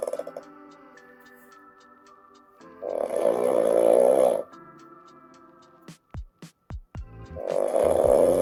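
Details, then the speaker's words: Adult man awaiting jaw surgery for sleep apnea, with an airway he describes as drinking-straw narrow, during a sleep hypopnea. His shoulders rise and head pulls down with breathing effort. Two loud, rough snores separated by snorts, ending with mouth breaths on waking. "so [music] in this video the snoring is pretty intense. Uh so if you want to turn the volume down, I'm not offended."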